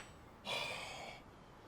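One sharp, breathy intake of air lasting under a second, an acted gasp from a TV comedy.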